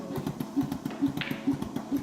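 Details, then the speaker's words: Total artificial heart in a man whose own heart was removed for heart failure at age 47, driven by a backpack pneumatic driver with tubes: rapid, regular mechanical puffs and clicks, about 130 a minute. "It's the sound of his heart beating. And the artificial heart is right here."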